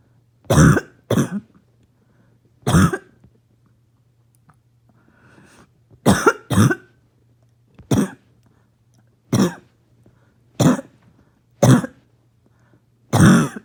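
Ten harsh, explosive coughs, some in pairs, spaced over about fourteen seconds with quiet breathing between: a barking cough.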